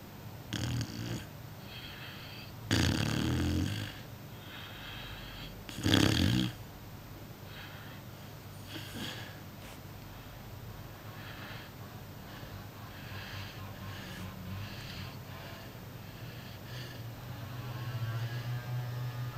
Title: Preview of a snoring puppy